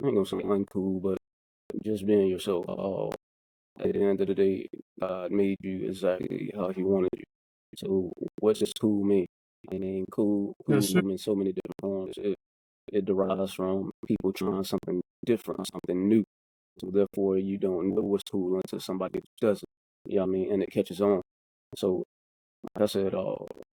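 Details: Adult who stutters, speaking conversationally as co-host of a podcast about living with stuttering; stuttering.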